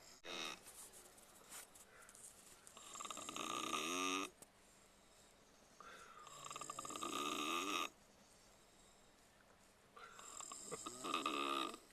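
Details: People sleeping on a tour bus, snoring: three long, rattling snores with quiet pauses between, about 16 a minute, ordinary snoring.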